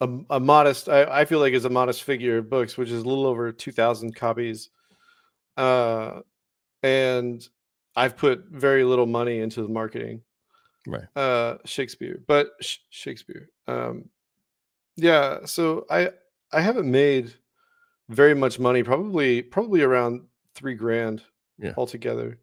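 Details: Vocal tics in an adult man, a Navy veteran with Tourette syndrome that began during service; tic words stem from obsessions (OCD), with one recurring tic word.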